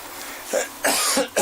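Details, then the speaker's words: Brief deliberate adult cough of a few short, harsh bursts in a quiet room, recorded to demonstrate microphone compressor levels; voluntary cough. "i want to hear that cough again okay so there's a cough there watch the watch now"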